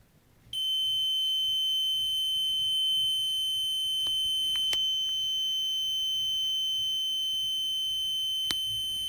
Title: Cardiac monitor EKG